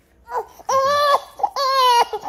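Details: Infant girl crying from teething discomfort while being given an orange cooling gel tablet: two loud, sustained wails with short catch breaths between them.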